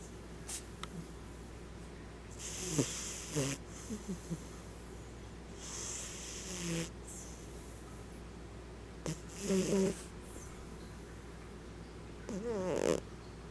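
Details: Sleeping cat snoring (owner jokes it needs a CPAP): soft, irregular snoring with snorting breaths, about 19 a minute, with small squeaky noises between breaths.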